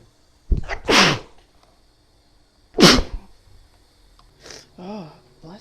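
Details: Woman's wet, powerful sneezes while her nose still tickles: two forceful sneezes, each with a quick intake of breath, then a brief sigh or murmur.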